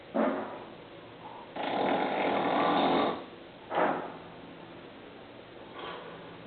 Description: hidden camera watch him snoreand fart